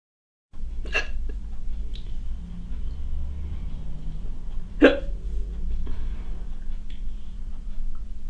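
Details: 46-year-old woman from Hull with a condition of hiccups every two seconds for over a decade, heard during housework: two sharp, abrupt gulping hiccups about four seconds apart over a steady low background rumble.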